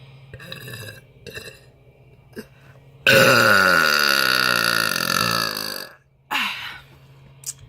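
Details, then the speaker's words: Deliberate air burping while trying for a longest burp over five tries, possibly after a sip of iced tea to clear the airways: one loud, rumbling burp of about three seconds with shorter burps around it. "I'm going to attempt to get my longest air burp I haven't drank anything I'm going to try five times"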